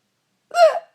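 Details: A single sudden, voiced hiccup, a sharp catch of breath. It comes from a mother who gets hiccups about once a year and says they are absurdly loud, while family urge her to hold her breath.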